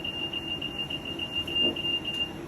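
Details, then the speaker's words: Rapid repeating high-pitched beeps over a steady mechanical hum: a Vyaire 3100A high-frequency oscillator ventilator alarm, during an in-service demonstration. "these alarms here if my mean air pressure goes about 50 centimeters that's going to go off"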